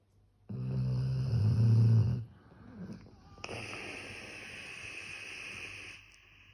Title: Cute Puppy Snoring #funnydogs #dogsnoring #cutedog #sleeping #puppy #loud #snoring #cute 😴